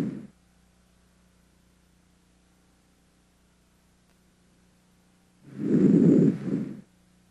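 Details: Normal breath sounds in a healthy patient, auscultated with a stethoscope: soft, low whooshing after a quiet pause, with no added sounds.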